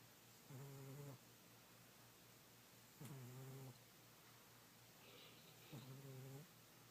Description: This is my old fat cat named Kitty, and he is snoring and dreaming loudly.